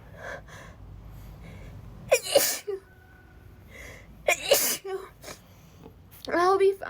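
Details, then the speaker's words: Three sharp sneezes in quick succession from a girl, each preceded by a short gasping inhale; acted repeated sneezing in a scene where she is cold and wet from rain with a starting headache. "sorry it's just I'm cold and and wet I can't stop sneezing"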